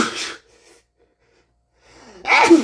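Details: Acted sneeze in a comedic skit: a short breathy burst, a pause, then a loud voiced explosive release, amid staged speech with snorts and throat clearing.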